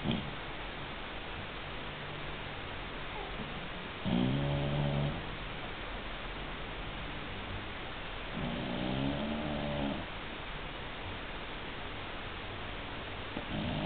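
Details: Person snoring: two rattling, buzzing snores about four seconds apart over steady background hiss.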